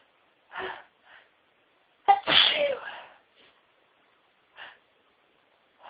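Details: Woman with repeated sneezing, some stifled and half-stifled: one sharp, forceful sneeze with a quick breath in before it, among soft sniffs and short breaths.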